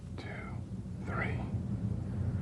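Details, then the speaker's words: Posterior chest auscultation with a stethoscope diaphragm while the patient whispers "one, two, three"; normal whispered voice sounds, with no whispered pectoriloquy. "when these sounds are louder and clearer than normal whispered pectoriloquy is present all these changes in voice sounds suggest the air filled lung L has become airless"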